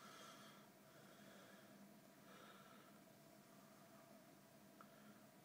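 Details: Transcranial Doppler of the middle cerebral artery, left and right sides, with the probe finely adjusted onto the vessel: rhythmic pulsing whooshes over steady hiss; transcranial Doppler signal, middle cerebral artery.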